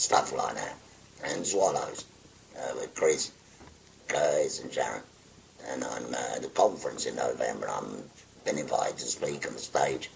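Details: 57-year-old man after total laryngectomy for stage four laryngeal cancer spread into the thyroid, preceded by about a year of hoarse voice; speaks through a valve by pressing a button to stop stoma air, sometimes uses an electrolarynx; tracheoesophageal speech.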